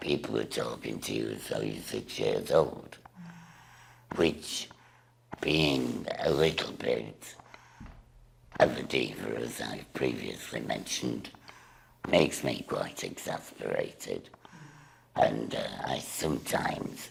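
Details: Woman with a total laryngectomy speaking through a voice device/valve; alaryngeal speech after total laryngectomy.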